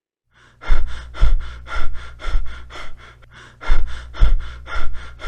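Clusters of quick, gasping breaths broken by a brief pause before another rapid burst, with a low steady hum underneath: Biot breathing.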